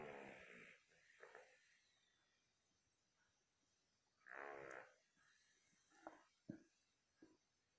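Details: Two rattling, fluttering snores about four seconds apart from a sleeping dog, with faint snuffles and quiet room noise between them: snoring.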